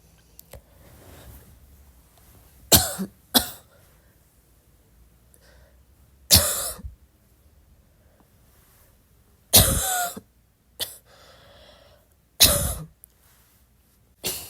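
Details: About seven short, soft, dry coughs at midnight in small groups, separated by quiet pauses in a still room.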